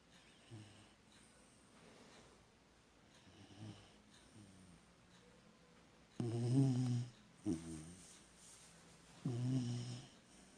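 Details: English Cocker Spaniel dog snoring: quiet breathing, then loud rattling snores on each breath, about 21 breaths a minute.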